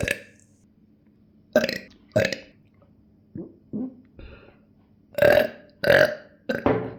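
A string of about eight loud, deep belches with short pauses between them.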